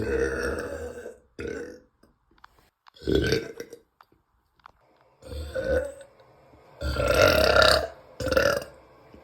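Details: Woman feeling bloated and gassy before a nap: a run of loud, repeated belches in quick succession with brief pauses, uncontrollable burping after eating.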